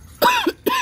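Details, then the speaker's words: Adult recovering from an asthma attack, doctor wanting a chest X-ray, coughing outdoors in a backyard: two short, dry-sounding coughs in quick succession. "nobody wants to hear that I was having it um home but I was having an asthma attack so"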